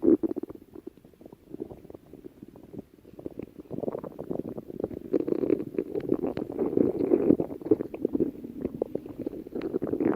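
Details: Continuous low gurgling and bubbling that builds in loudness: ordinary stomach growling (borborygmi) as the gut moves its contents.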